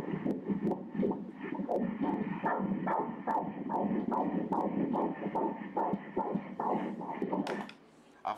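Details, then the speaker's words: Ultrasound Doppler of a fetus: rapid, regular whooshing pulses, normal fetal heart rate of 145 beats per minute, while the baby moves. "Hãy nghe nhịp tim đập đây nhìn nhịp tim em bé đang đập"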